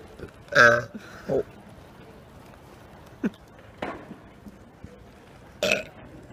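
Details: A loud, drawn-out burp, then several shorter belch-like bursts over quiet outdoor background, made deliberately as a public burping prank; burping.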